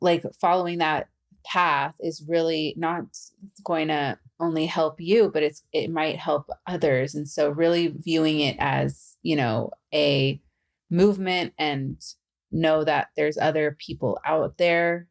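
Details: Adult woman who stutters, a facilitator and stuttering podcast host; stuttering.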